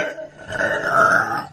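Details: Adult woman's deep burp from a burping compilation: a single deep, rumbling belch lasting over a second; a loud burp.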